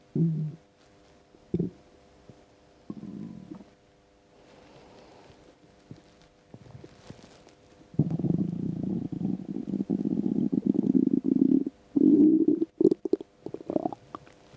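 Low gurgling and rumbling, scattered at first, then a long irregular rumble with a few bubbly pops; ordinary stomach rumbling from an empty stomach.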